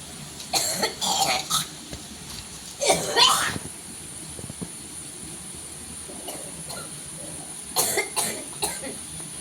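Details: Persistent cough in a person who says they have been unwell and went to hospital: about six harsh, loose coughs in clusters with quiet gaps, over background room noise.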